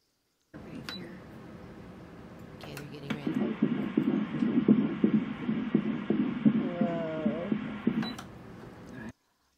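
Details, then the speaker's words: Fetal heartbeat at about the eighth week of development, heard with ultrasound rather than a stethoscope: rapid whooshing beats at roughly 170 a minute, normal and much faster than an adult's. "so that was baby's heartbeat baby's heartbeat is a lot faster than in adults because it is doing a lot of work for some reason the smaller something is the faster its heartbeat seems to be"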